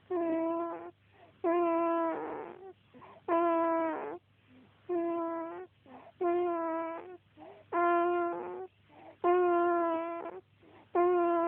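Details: Steady, whistling, squeaky snores come with each breath, about 38 per minute, each followed by a short, softer breath; snoring.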